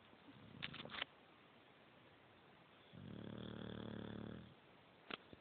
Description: Bulldog asleep on the couch snoring.